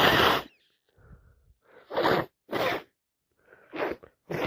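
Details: Several forceful, explosive sneezes in quick succession with sharp intakes of breath between, from a person sick with a common cold; repeated sneezing.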